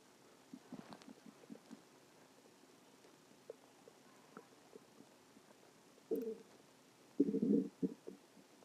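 Quiet scattered gurgles, then a couple of louder rumbles of stomach growling, ordinary digestive bowel sounds.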